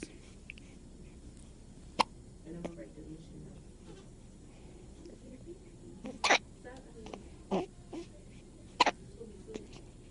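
Four or five sharp, brief catches at irregular intervals over quiet room noise, fitting hiccups.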